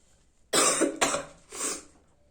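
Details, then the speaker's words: Person attempting a sneezing challenge with snuff put into the nose: three harsh, dry coughs in quick succession, but no sneeze follows. Irritant cough. "தும்மலுக்கான எந்த அறிகுறியும் இல்லை, இருமல் தான் வருது."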